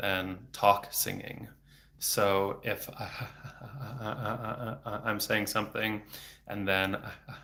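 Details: Adult man who has stuttered since age eight, about 26 years, with speech therapy off and on until his early 20s; no fluency strategies used here; frequent repetitions and blocks felt as throat tension; stuttering.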